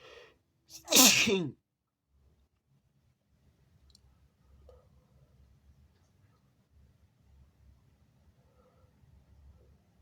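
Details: Person sneezing toward a mirror: a brief intake of breath, then one loud, wet, explosive sneeze followed by quiet room noise, from a recording of big wet sneezes, stifles and nose blows.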